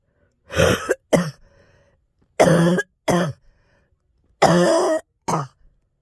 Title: Girl Coughing 424